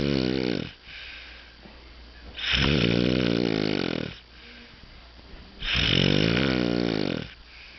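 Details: Three loud, rough, vibrating snores on the in-breath, with quiet breathing between them, in a quiet room; snoring problem.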